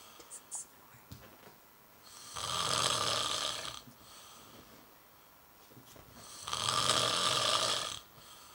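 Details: Husband snoring, not yet in the bedroom, though he denies snoring: two long, loud raspy breaths about four seconds apart with quiet pauses; snoring.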